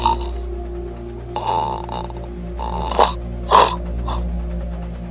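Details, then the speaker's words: Recorded snoring presented to show the dangers of snoring and sleep apnea: irregular rough, snorting breaths with sharp catches and gasps over a steady hum; the strange breathing sound shows how disturbed the breathing is. "근데 숨 쉬는 소리가 그렇게 희한한 소리가 난다는 거는 그 호흡이 얼마나 문제가 있다는 것을 여실히 보여주는 거거든요."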